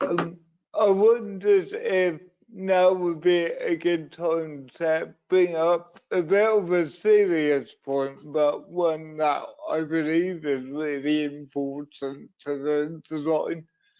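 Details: Dysarthria in an adult man with cerebral palsy, a brain injury sustained through an accident at birth; he also reports being wobbly and unsteady on his feet.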